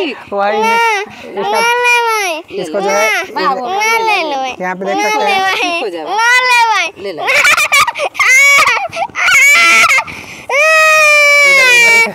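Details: Fictional staged scene: a young child cries loudly in sobbing wails with quick gasping breaths while receiving a vitamin B12 injection in the hip/waist.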